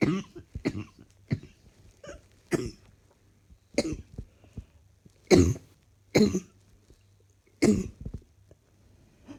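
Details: Person coughing while trying to work, feeling rather hot: about eight to ten harsh cough bursts over nine seconds, some in quick pairs, in a quiet room.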